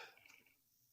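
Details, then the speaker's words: Brief hissing burst of air fading to quiet: a single sneeze from an adult who had announced an imminent sneeze; sneeze. "excuse me i am so sorry i sneezed right in your ear hopefully not"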